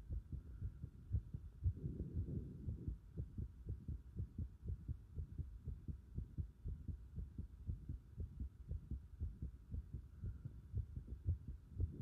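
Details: Heart sounds recorded with a visible pulsation at the pit of the stomach (epigastrium): regular low heartbeats at about 118 per minute over a steady faint hum; ordinary heart sounds with a fast rate.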